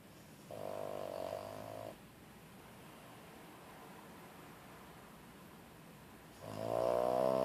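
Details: Snoring in a sleeping pet sedated by a quarter Tramadol tablet: two tonal, buzzing snores separated by a long quiet pause.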